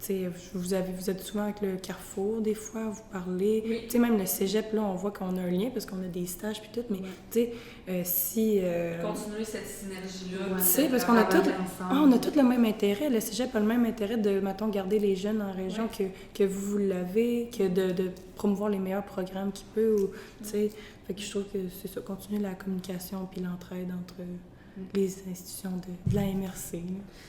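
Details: Adult woman speaking Québec French; normal voice.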